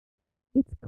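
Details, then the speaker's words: Simulation, for demonstration only, of how speech sounds to a child with moderate sensorineural hearing loss: a brief, muffled, dull and unclear speech fragment. "the next two are examples of moderate and mild sensory neural hearing loss"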